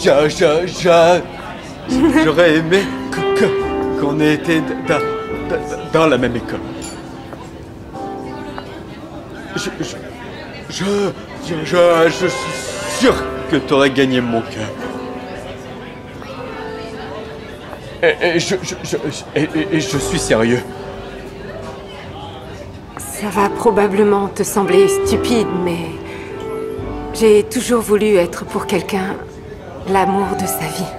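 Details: Young man who stutters, speaking to a woman at a speed-dating event in a film excerpt; reportedly struggles most with starting conversations and in emotional situations; finding: stuttering.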